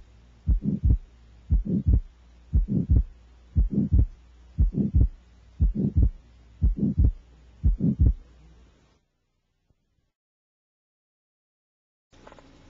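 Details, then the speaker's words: Child's heart, about 59 a minute: a soft midsystolic atrial septal defect murmur with wide, fixed splitting of the second heart sound that is unaffected by respiration. "the murmur of atrial sepal defect is mid systolic it is soft and associated with widely fixed splitting of the second heart sound unaffected by respiration"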